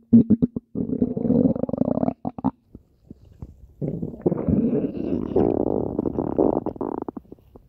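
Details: Long gurgling, buzzing rumbles in bursts with brief pauses from a pet rabbit's belly: active bowel sounds, normal gut movement.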